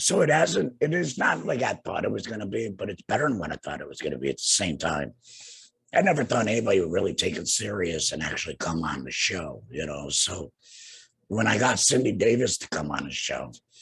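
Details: Tracheoesophageal speech in a man two years after laryngectomy for laryngeal cancer, speaking through a tracheoesophageal puncture (TEP) voice prosthesis while pressing a finger on his HME stoma cover; he calls his voice not a normal voice.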